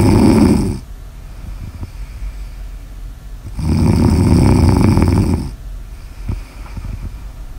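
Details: Loud, rough, low rattling snore on breathing in, then a quieter breath out and a pause; ordinary snoring recorded for ASMR.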